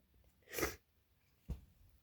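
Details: One loud, forceful, explosive sneeze followed by a brief sniff, in a quiet room, from a woman who says she is cold and sitting under a blanket; she says the sneezes hurt.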